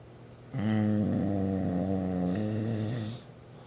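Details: Dog sleeping at rest, snoring: one long, low, rumbling snore with a steady buzzing tone.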